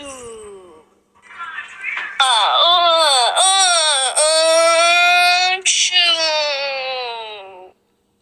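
Loud, high-pitched wailing cry in long sustained bursts with brief catches of breath between them; an infant crying.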